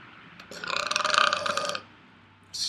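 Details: One drawn-out, rough, voiced belch lasting just over a second: a typical burp.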